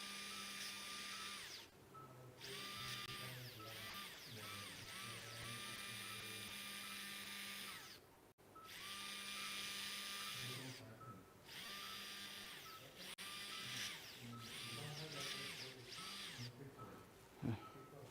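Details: High-pitched whining drill in repeated runs with brief pauses and shifting pitch: a powered surgical drill in use during unilateral biportal endoscopic spine surgery, neck held in slight flexion.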